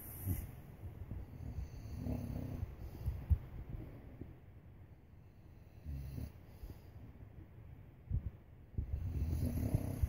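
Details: Snoring from a sleeper worn out after a day at the beach: low, rumbling, irregular, muffled snores with quieter stretches between louder bursts.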